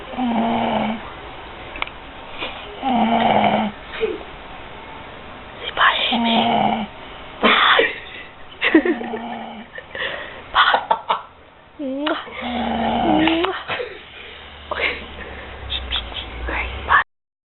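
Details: Two-year-old child snoring while asleep: loud, repeated rattling snores with whistling, squeaky breaths between, about five snoring breaths over seventeen seconds.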